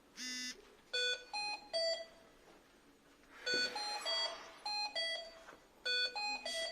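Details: Hamilton T-1 portable transport ventilator switched on in a small room, giving repeated electronic alarm beeps in short groups of rising and falling tones: ventilator alarm.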